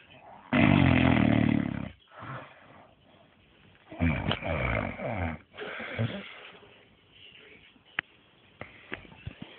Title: snoring